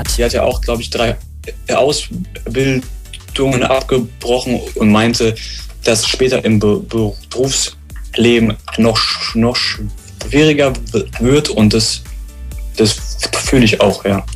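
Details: German-speaking young man who had stuttered about 13 years, recorded before DELPHIN intensive stuttering therapy done at age 22, with word repetitions; stuttering.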